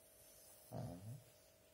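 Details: Sleeping cat gives a single low, rumbling snore of about half a second over a faint steady room hum.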